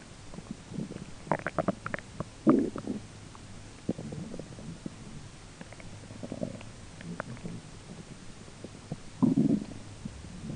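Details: Self-recorded belly grumbling during digestion, roommate talking in the background: bursts of bubbly, gurgling rumbles over steady room hum; borborygmi.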